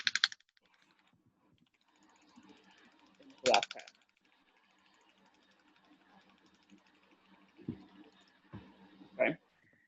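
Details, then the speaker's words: Radial shockwave applicator (DC Master Touch) firing rapid, steady ticking clicks during a live practical session on the upper limb/shoulder, arm in external rotation, about 300 of 1,000 impulses delivered, with brief voices and handling noise. "So, again, we do a thousand impulses. I've just done probably 300 I think."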